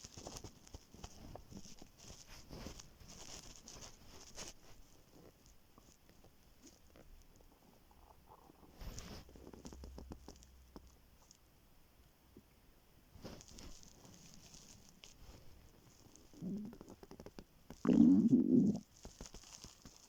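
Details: Morning stomach growling on waking, very hungry: faint crackling and soft gurgles, then a short, louder low gurgling rumble.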